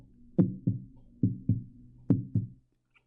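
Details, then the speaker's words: Normal heart sounds: three regular lub-dub beats, about 70 a minute, a louder first sound (AV valves shutting) then a softer second (semilunar valves shutting). "Now, the reason why that happens is because valves are shutting. So you only hear that noise, like let's say a doctor or somebody was listening to your heartbeat, they're actually listening to your valves shutting."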